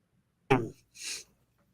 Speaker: I'm sorry I had to sneeze and I didn't want y'all to hear that because I'm loud with it